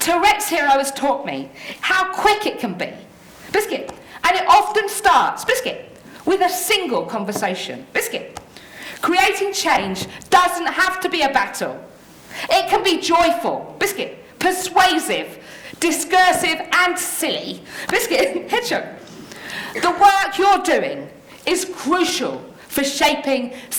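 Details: Woman with Tourette syndrome producing uncontrollable vocal tics, including repeated words; Tourette syndrome vocal tics.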